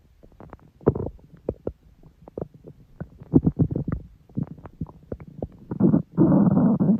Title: Stomach growl. Long